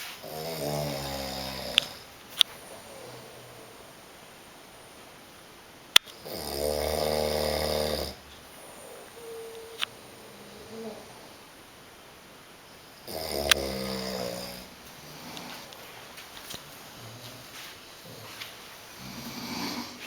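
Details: Snoring competition winner: three loud, rasping snores spaced several seconds apart, with quiet breathing and faint room noise between; ordinary snoring.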